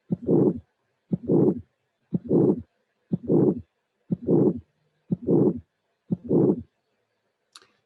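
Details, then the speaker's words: Simulated heart at about 60 beats a minute with severe bicuspid aortic stenosis: a sharp high-frequency ejection click just after the first sound, then a harsh systolic ejection murmur with a delayed, late peak. "e is a a high frequency sound immediately after the first sound but this is not the complete finding because then you will see the ejection murmur that is is the previous one a rush murmur but the apex is delayed if compared to the previous case so this will be a severe arctic stenosis in back has been our development"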